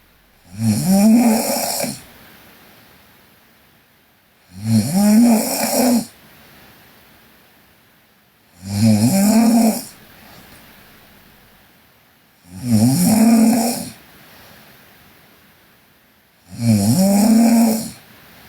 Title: Sleeping Korean Girl Snoring (PNGK) Part 3